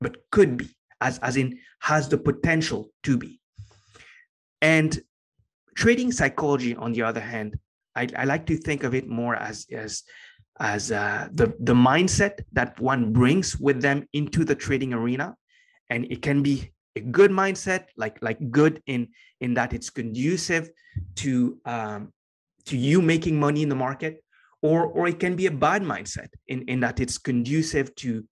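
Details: Adult man with a stutter present for as long as he can remember, long a major life challenge; after years of consistent meditation practice he has more control and it is now barely audible; stuttering.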